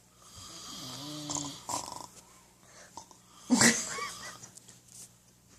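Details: Man asleep on a couch, snoring: a low rumbling snore with a wheezy, whistling edge, then a louder snorting inhalation, over faint room hum.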